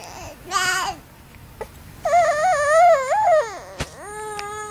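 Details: Infant cries in short wavering bursts, babbling "papapapapa" between cries, in a quiet room while a parent soothes the baby.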